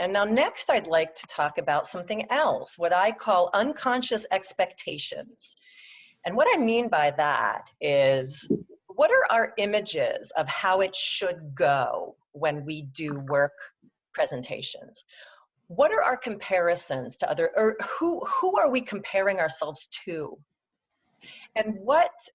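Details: Adult woman who stutters, presenting in a webinar; her stutter comes and goes, with good and bad speech days; stuttering.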